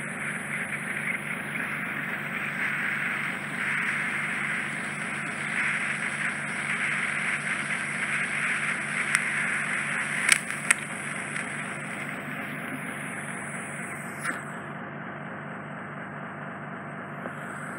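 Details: Endoscopic microsuction with a fine-end 18-gauge tip removing residual impacted wax off a male client's eardrum; canal entrance slightly narrow; steady hissing suction roar, pulsing motor, clicks and slurps as wax is drawn off.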